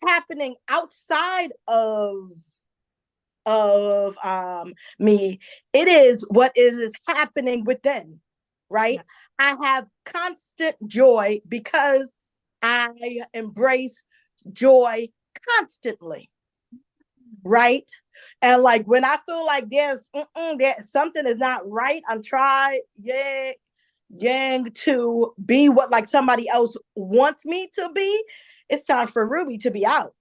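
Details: Adult woman, a self-described stutterer who says listeners will hear her stumble on some words; stuttering.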